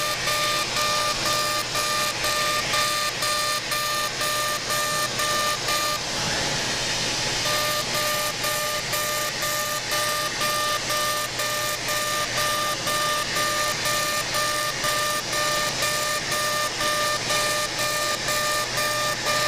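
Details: CO2 laser facial resurfacing performed during a simultaneous facelift: fast, regular beeping about twice a second over a loud whoosh, with a brief pause. Aggressive settings of 100 millijoules at density 6, passing up the facial midline near tattooed eyebrows.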